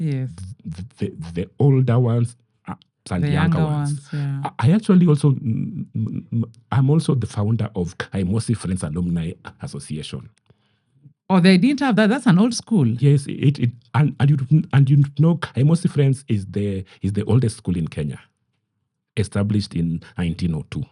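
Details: Adult man with stammering he describes as genetic, inherited from his mother, at times acute; word and part-phrase repetitions heard; stuttering.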